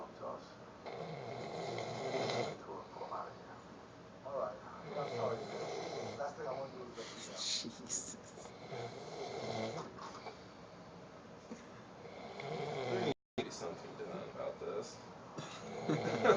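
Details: Irregular, rough, loud snoring with breathing noises from a man sleeping after a concert and drinking, in a small room with background voices; snoring.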